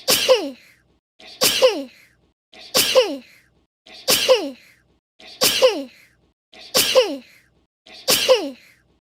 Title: Cute Sneezes